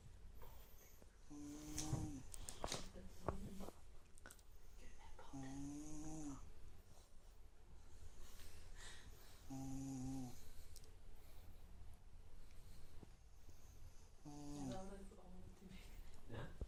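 Four drawn-out, tonal, whistling snores about every four seconds, rising in pitch, over steady low room hum: unusual musical snoring during sleep.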